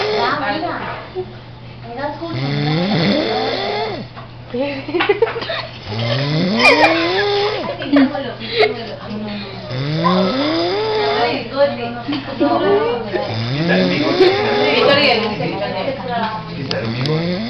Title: funny video man snoring like a cow